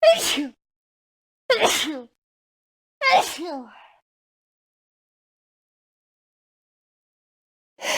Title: School Of Sneezes Compilation